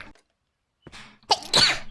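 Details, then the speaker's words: Streamer sneezing during a live stream after saying they had been sneezing many times that stream: a brief intake followed by a sharp, hissing burst, a single sneeze. "I mean, I've been sneezing like one bajillion times this stream."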